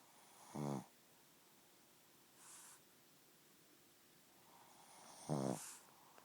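Two loud, rattling, low snoring breaths with a faint breath between, in a quiet room: snoring.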